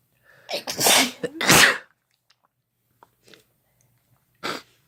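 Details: Two loud, explosive sneezes close together, then a third sneeze after a quiet pause; sneezing deliberately provoked by sneeze-inducing powder (chhinkni) in a couple's sneezing recording.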